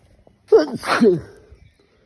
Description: Walking home after a night out and drinking alcohol makes this happen nearly Everytime.